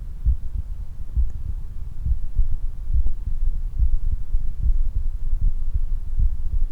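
Fast, regular low heartbeats with strong thumps under steady low rumble; heart sounds after exercise.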